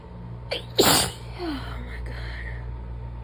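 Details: Adult lying down to nap after work gets a sneezing fit: a short intake of breath, then one loud, explosive sneeze and a quiet exhale over room hum.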